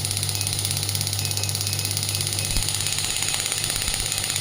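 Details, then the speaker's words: Pneumatic shockwave therapy applicator on a combined shockwave and ultrasound unit, firing as frequency rises to 22 Hz and energy to maximum (12 bar). Rapid, even mechanical knocking with a hiss and motor hum. "Increase the intensity, frequency. You can see the variation in the frequency up to 22 Hz. So now I am increasing the energy."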